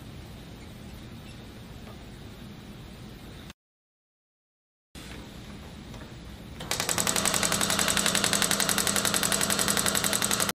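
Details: About three seconds of rapid, even pneumatic tapping, near 220 pulses a minute, over low room hum: a 5-head radial shockwave therapy device used on a patient's calf during a physiotherapy demonstration.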